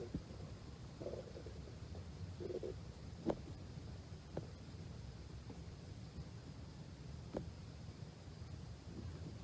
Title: stomach growling 2